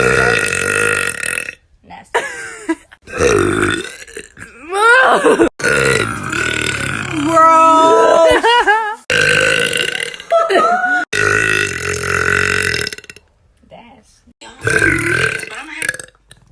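Long, loud, voiced belches in a row, some stretched and rising in pitch: repeated burping, done on purpose.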